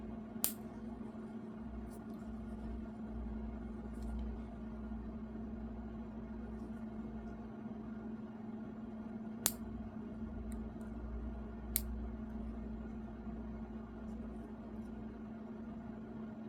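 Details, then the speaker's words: Foot care nurse's demonstration exam on an adult man: toenail nippers trim the toenail in small nips following its shape, heard as a few sharp snips over quiet room hum. "Okay, so I'm going to start by doing um small nips. I'm just following the shape of the nail."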